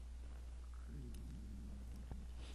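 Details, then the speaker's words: Adult's stomach growling during a maths lecture recording, which he links to not eating properly: a low gurgling rumble over a steady hum; borborygmi. "you didn't hear that. That was my stomach growling. See how hard I work on this side. I don't even eat properly."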